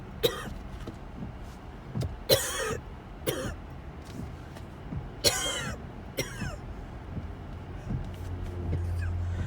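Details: About six harsh coughs and throat-clearing bursts spread over the road noise of a moving car, during a series of coughing attacks on the way to the ER; coughing fit.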